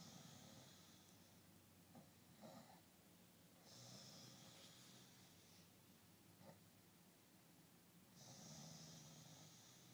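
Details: Adult male partner snoring while asleep, recorded at his request: quiet, slow rasping snores on each in-breath with a soft snort between them.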